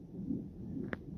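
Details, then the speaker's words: Brief whooshing pulses of a fetal heartbeat on a fetal monitor at 31 weeks of pregnancy, in labor and delivery for pubic pain and cramping with possible mild contractions; too short to count a rate, heartbeat described as sounding great. "I think you could hear the heartbeat he sounds great"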